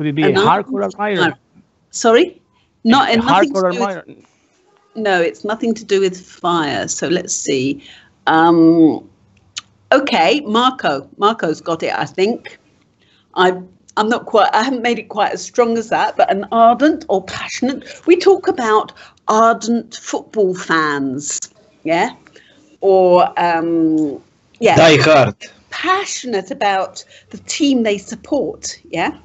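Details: Adult teacher; typical speech.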